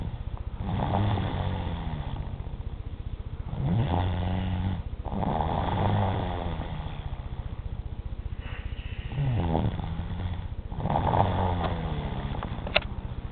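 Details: Three-year-old child snoring heavily at 4:30 in the morning, loud enough to wake someone: loud, rattling, low snores with each breath, about 12–14 breaths a minute.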